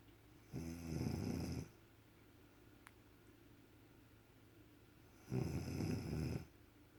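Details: Snoring from a sleeping mother beside her two-week-old baby: two low, vibrating snores about five seconds apart, roughly 12 breaths a minute, with quiet breathing between.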